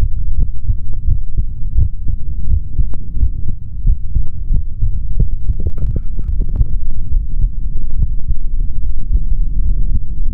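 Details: Adult male's normal heart sounds through a stethoscope: steady low thumping in a regular rhythm with a constant low hum.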